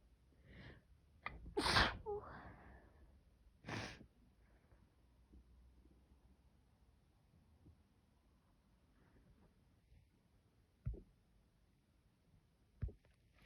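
A sharp sneeze with a quick inward breath, a second smaller sneeze, then quiet sniffles and faint clicks.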